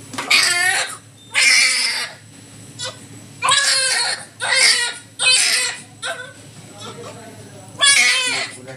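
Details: Loud, high-pitched crying in repeated bursts with short breaths between, from a newborn baby girl just after a normal delivery in hospital; a strong newborn cry.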